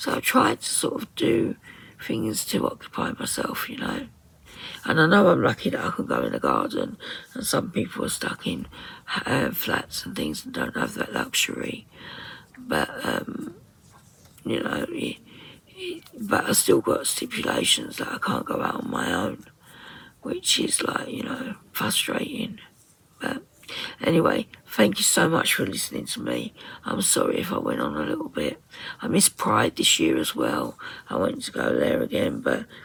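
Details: Woman with muscle tension dysphonia (very tight, stressed muscles around the vocal cords), also affecting swallowing, severe at times, attending speech therapy.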